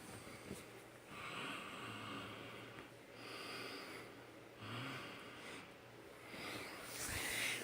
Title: My husband snores loud part 2